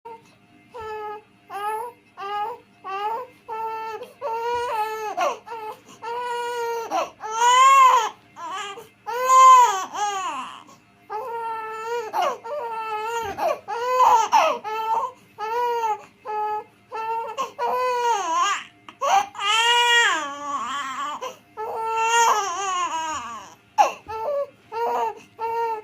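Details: Two-month-old baby crying in repeated short wails with strong clear voicing and brief breaths between bursts; infant crying.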